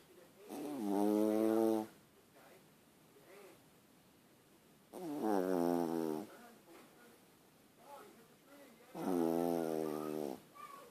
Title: My little Yorkie snores.